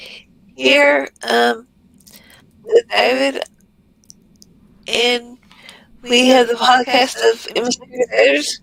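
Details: Woman with multiple system atrophy diagnosed in 2021, with audible tremor in her voice and a voice-box scope the day before; voice tremor.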